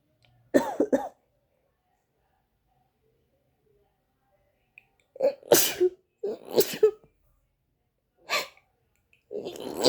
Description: Hello everyone! I haven't been able to stop sneezing today. I've sneezed up to 45 times in a row. I think I have the flu.